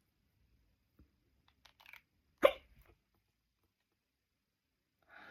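A few faint breaths, then one sharp, abrupt gulping catch in the throat in a quiet room: a single hiccup.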